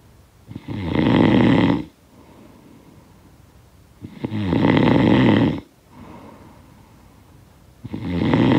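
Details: Loud, rough snores on each breath in, about one every 3.5 seconds, with quiet breathing out between; snoring from a sound-effect recording.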